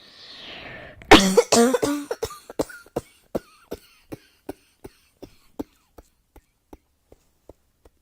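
A strong cough burst followed by a long train of short, fading hacking coughs in a small room; a continuous coughing fit.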